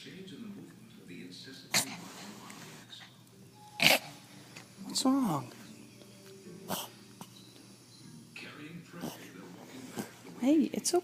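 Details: Dog with a series of sharp, dry coughing or hacking bursts while sitting still, in a quiet indoor setting; owner unsure of the cause and wonders whether fiber or strings he eats are to blame; cough.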